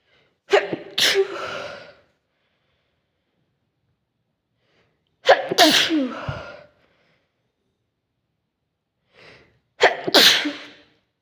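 Three forceful sneezes, each a sharp explosive burst with a breathy tail, separated by quiet pauses.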